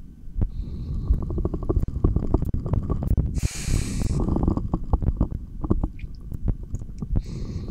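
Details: Loud, continuous gurgling and rumbling stomach growls with a brief hissing burst, picked up by a stethoscope in a single unedited take; normal bowel sounds (borborygmi).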